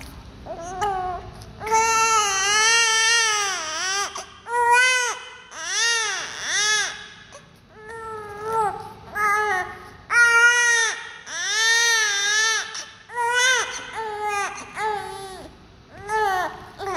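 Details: Newborn baby with oxygen tube in nose: repeated long wailing cries with short breaths between, settling toward the end, then relaxing.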